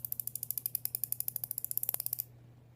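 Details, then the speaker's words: Injection pen clicking as an adult woman self-injects 300 units from a 600-unit pen at 6 pm during an IVF stimulation cycle: rapid run of about 28 sharp, even clicks over two seconds, then quiet. "And it is 6 o'clock, so I'll do my injections every night at 6. So here we go. Stick the needle in and push."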